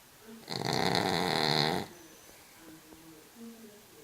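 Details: Cavalier King Charles spaniel (Sam) asleep, giving a single loud, buzzing snore lasting over a second, then quiet breathing with soft nasal squeaks; snoring.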